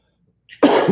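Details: Cough from an adult recovering from illness, possibly COVID.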